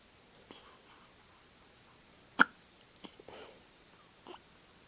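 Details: Ten-day-old newborn girl with hiccups after a milk feed: a few brief, sharp hic sounds in a soft, quiet room.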